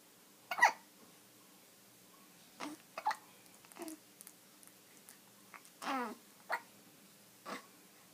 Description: Kitty looks at baby hiccuping